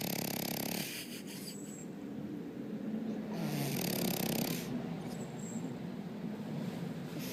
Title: Cheese the FrenchBulldog snoring